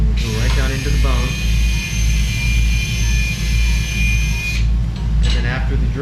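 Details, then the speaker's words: Right shoulder arthroscopic Bankart repair for instability: high, steady whine of a surgical drill running about four seconds through a drill guide to make a suture-anchor hole, under low room hum with brief talk. "so we'll take the drill and"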